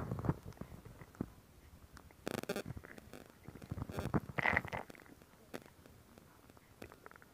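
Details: Close-up gurgles, squeaks and bubbling pops from the belly; ordinary stomach growling (borborygmi).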